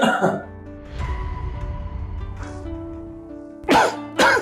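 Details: Several short acted adult coughs in an office meeting scene, the last two loudest, over steady background music; cough type (dry or wet) unspecified.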